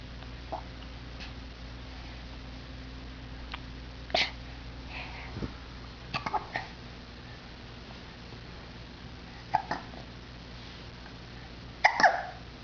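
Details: Hiccups while sitting on a couch before falling over forward: several brief, sharp, throaty catches spaced irregularly in a quiet room.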